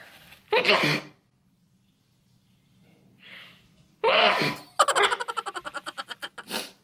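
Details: Sneezing induced by a COVID-19 nasal swab test: two forceful sneezes a few seconds apart, followed by a burst of rapid laughter-like breaths; reflex sneezing from nasal irritation.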